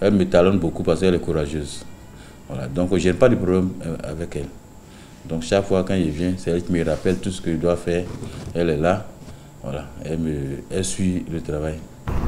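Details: Adult man speaking French; normal speech.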